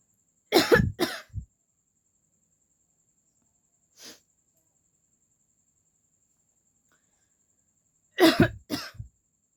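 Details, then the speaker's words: Real cough from a cold, which she attributes to going out in the heat during Durga Puja, recorded in a coughing-challenge clip: two bursts of about three short coughs each, several seconds apart, in a quiet room. "तो guys इस वजह से मुझे थोड़ा सा जुकाम सर्दी जुकाम हो गया है कुछ ना गर्मी है यार बहुत ज्यादा गर्मी कम होने का नाम नहीं ले रहा है"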